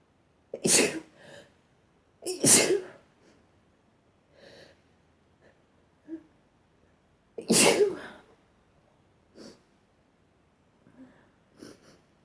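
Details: Sneezing in a series: some soft and stifled, others really strong, loud, forceful and wet with a sharp burst, with quiet breaths between.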